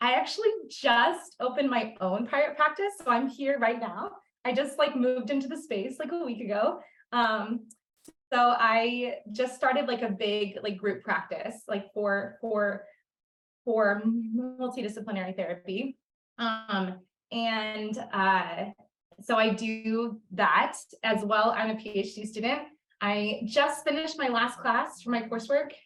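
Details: Adult woman who stutters, a speech-language pathologist and PhD student, formerly a covert stutterer, speaking on a panel; stuttering.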